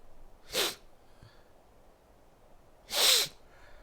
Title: I need sneeze